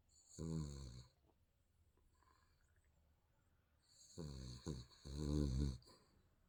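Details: Sleeping baby snoring: low rattling, buzzy breathing sounds recurring on breaths, about three bursts, in a quiet room.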